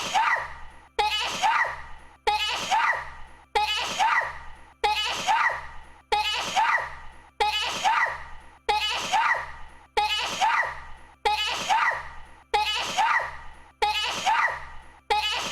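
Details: VTuber livestream clip of a loud sneeze, repeated at regular intervals about 47 times a minute, with sharp onsets and fading tails.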